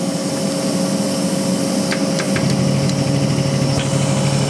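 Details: Neonatal high frequency oscillatory ventilator set to 13 Hz, running during setup with its circuit capped by the endpiece and not connected to an infant; a steady mechanical hum and rapid buzzing vibration.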